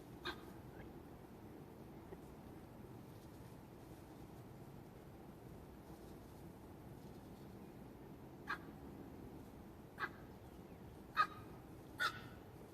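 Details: Adult egg-laying duck (lays 2 eggs a day) making a strange cough-like sound intermittently for about a week: five brief, sharp, scratchy bursts, irregularly spaced; otherwise normal, eating, drinking, quacking, not lethargic, eyes not runny.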